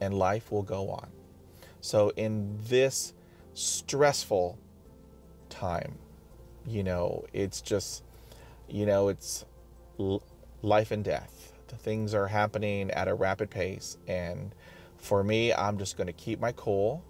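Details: Adult man who stutters, self-recorded, describing blocks; sound and part-word repetitions; stuttering.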